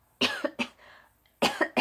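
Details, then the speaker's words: Adult giving a run of short, sharp dry coughs with no wet or rattly sound, attributed to allergies; dry cough. "okay so these allergies are totally getting me of how to really dry cough for a while that scared me or whatever that noise was"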